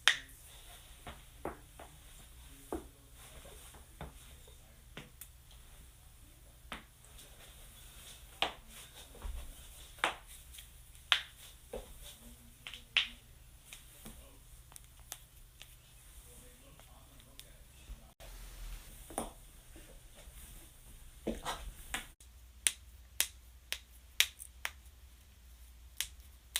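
A series of sharp, dry pops and clicks from cracking joints, a common harmless sound.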